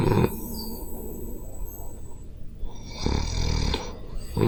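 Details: Loud, low, rough rattling snoring breaths of a sleeping adult, recorded close up with a Zoom H5 handheld recorder; real self-recorded snoring.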